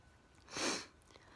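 A single sharp, airy burst of noise lasting under half a second rises out of a quiet room: one sneeze.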